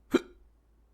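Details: Hiccup.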